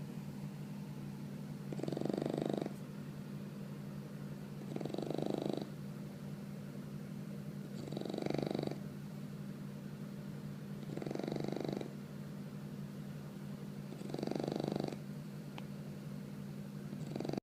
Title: 4 month old bulldog puppy snoring